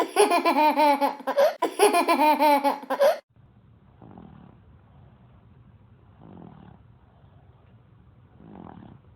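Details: Baby sleeping with three soft, rhythmic snores at about 26 breaths a minute after loud laughing sounds; infant snoring.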